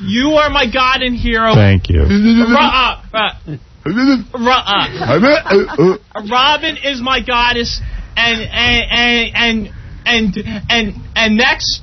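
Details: Man known for stuttering, leaving a voicemail to a radio show in 2000, with many repetitions: stuttering.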